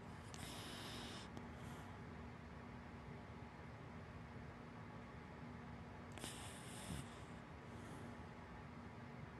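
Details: Sleeping black wiener dog–black lab mix snoring gently; two soft, hissing breath noises several seconds apart over room hum; harmless snoring.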